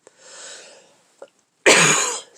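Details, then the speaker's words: Adult with avoidant personality disorder and a common cold, said to be much improved, coughs while talking indoors: a soft breathy exhalation and a brief throat sound, then one loud, harsh cough burst. "Here comes the cough again. Sorry about that. Yes, I still have the cold. It's much, much improved."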